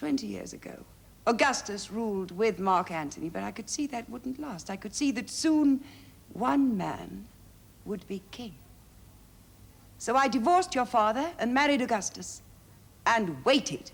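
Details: Adult woman, acted drama dialogue; ordinary speech.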